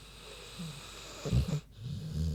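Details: Low rumbling snorts and a rattling snore with a brief pause between breaths from Queenie, a big pig, sleeping; ordinary snoring.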